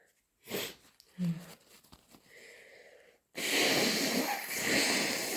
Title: Inducing with my cold (sneezing and blowing)